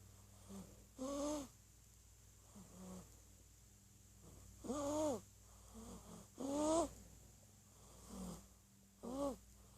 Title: Snoring away at 1 month old